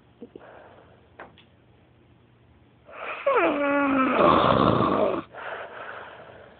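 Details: Person snoring very loudly and awkwardly at 5 in the morning: a single loud, whistling, tonal snore lasting about two seconds against quiet breathing.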